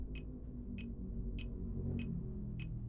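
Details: Regular short beeps about every 0.6 seconds, near 100 a minute, over a low hum. A fingertip pulse oximeter is tracking heart rate alongside a realme Watch 5 smartwatch, with readings of about 95–103 bpm.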